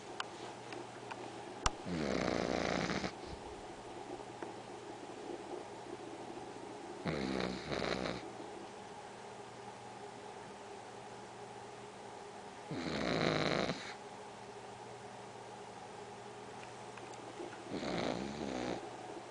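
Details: Pug dog snoring while asleep: four rhythmic, rattling snores about every five seconds with quiet pauses between them, typical of a sleeping flat-faced dog.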